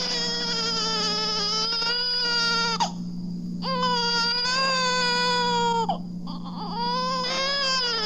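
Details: A hungry young infant cries normally, from a 1967 recording of baby sounds.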